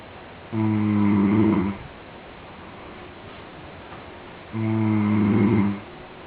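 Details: Man asleep, recorded unaware: two loud, deep, buzzing snores on breathing in, about four seconds apart, with quiet between; heavy snoring.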